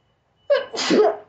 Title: Nose Sneezing Challenge🤧// Tranding Video//